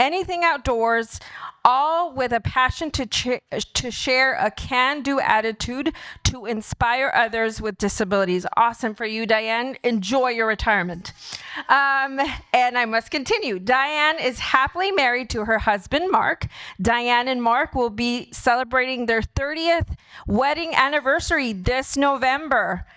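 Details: Adult woman speaking; typical speech.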